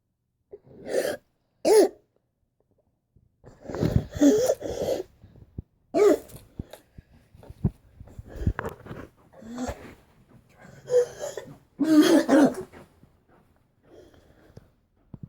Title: For Dr. Jackson coughing, wheezing 12.23.16